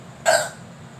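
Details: Single abrupt, short, sharp voiced catch in the throat during a performance of Ekla Chalo; hiccup.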